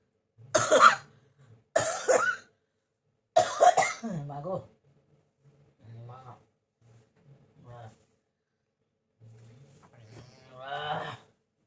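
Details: Real cough, said to have lasted many days: three harsh cough bursts, then throat-clearing and soft voiced sounds in a quiet room.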